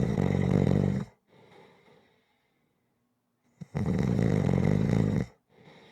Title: Snoring Sounds Rhythmic